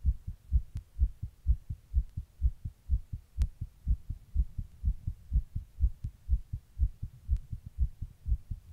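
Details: Person's own heart recorded while sitting in 100-degree heat during a heatwave: steady, regular thumps at about 125 beats a minute, tachycardia.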